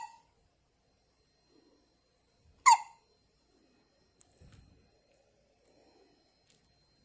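One sharp, squeaky catch of breath in a quiet room, a newborn's hiccup, with faint rustling around it.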